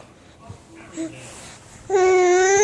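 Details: Young child who had been coughing and sneezing out breakfast: soft fussing and babble, then a loud sustained wailing cry; plain crying.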